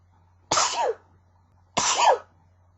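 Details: Two forceful, sharp, explosive sneezes in quick succession over a faint steady hum, from a person who is sick; sneezing fit.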